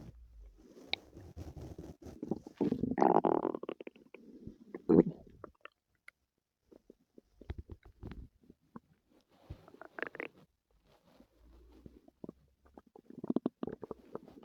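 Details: Stomach noises from a person with stomach pain the previous night: irregular gurgling and low growling with quiet gaps between bursts, active bowel sounds (borborygmi).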